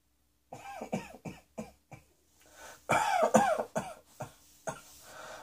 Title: Cross Dressing Coughing 24